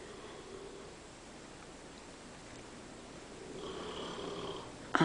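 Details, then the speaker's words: Husband snoring asleep in an upstairs bedroom, recorded from downstairs while approaching: slow, drawn-out rough breathing building toward the end, with quiet room noise. "I can hear my husband snoring all the way upstairs in the bedroom and he wants to know why I can't sleep at night"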